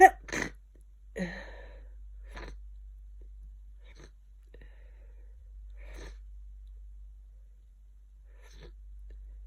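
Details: Person with a bad cold and a very blocked nose, in bed for 2 days: two short, sharp sneezing bursts, then scattered faint sniffs and nose sounds in a quiet room.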